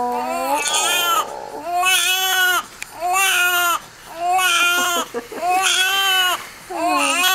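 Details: A newborn boy's first cry right after birth, following about 3 minutes of pushing: strong, rhythmic lusty crying in roughly one-second bursts separated by breaths.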